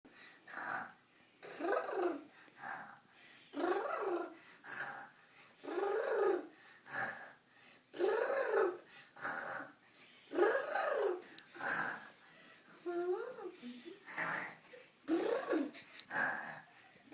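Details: Unni sleeping: steady, rhythmic snoring with a slightly whistling, buzzing tone on each breath, about 26 breaths a minute.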